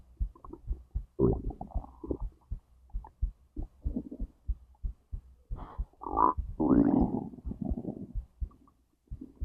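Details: Digestion from stomach to intestines: quiet irregular gurgles and squeaky rumbles with soft low thuds between, likely the heartbeat also recorded; normal bowel sounds (borborygmi).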